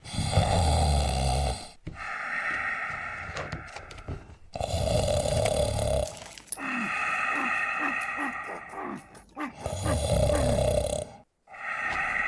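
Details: Simulated claymation sound of a giant 250cm bear snoring: loud, rough, rumbling snores, one per breath, about five over twelve seconds, with fluttering noises between; heavy snoring.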